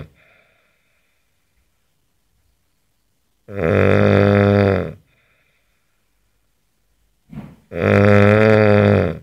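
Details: Two loud, deep, rattling snores on inhalation from an adult man, each over a second long, separated by quiet pauses: heavy snoring.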